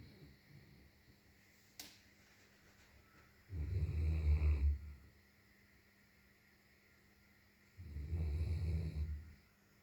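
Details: Long-haired German Shepherd dog asleep, giving two low rumbling snores about a second each, with quiet breathing between in a small room; snoring.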